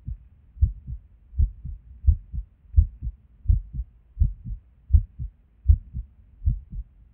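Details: Resting heartbeat recorded at Erb's point while sitting at a desk: low thumping about 80 a minute, uneven spacing with occasional pauses; skipped beats.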